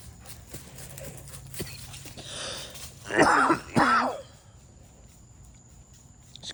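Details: Dog coughing at night: two loud, harsh, slightly honking cough bursts in a quiet room.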